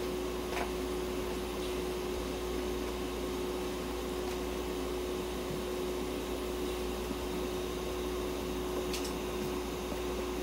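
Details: Budgerigar under veterinary treatment receiving oxygen therapy inside an ICU incubator at an animal clinic; running oxygen incubator sound.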